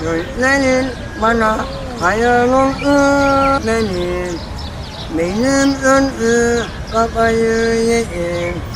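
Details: 46-year-old man with a congenital cleft palate, surgically repaired with a platinum plate placed in the palate, singing song lyrics in Turkish: cleft palate speech.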